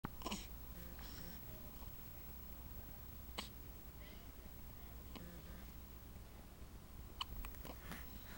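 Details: Hiccups in a 9-day-old baby girl.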